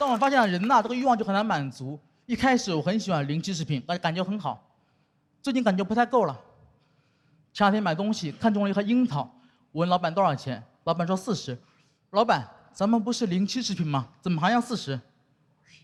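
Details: Adult speaker, stand-up comedy monologue; ordinary speech.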